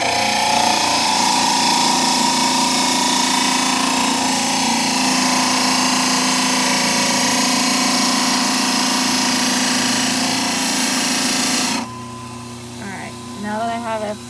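Loud, steady grinding roar of a model trimmer flattening a plaster model's base, then it stops, leaving a quieter background hum.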